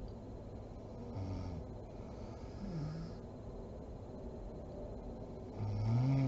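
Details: Mother snoring while asleep: low, rumbling snores recurring with her breathing over a steady background hiss, loudest near the end; ordinary snoring during sleep.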